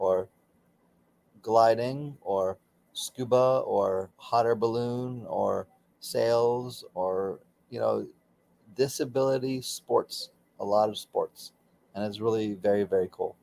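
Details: Aphasia for about 13 to 16 years after a stroke during surgery, in a man still working with a speech pathologist.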